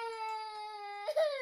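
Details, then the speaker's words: Infant crying, used as a sound-identification clip for young English learners: a steady, high, tonal cry held for about a second, then breaking into a rising wail. "Someone is crying. Baby is crying."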